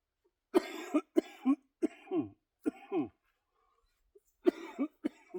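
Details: Adult with cystic fibrosis, lung function at 46%, during a back-and-biceps weightlifting workout, winded and panting. Repeated harsh, forceful coughs in clusters, each with a throaty, loose-sounding tail.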